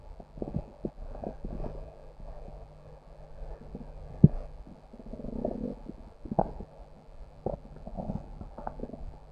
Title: Stomach growl